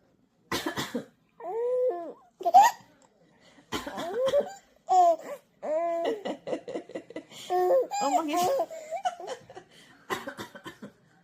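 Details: A 50-day-old baby gives small coughs mixed with cooing and laughter-like sounds; ordinary infant cough.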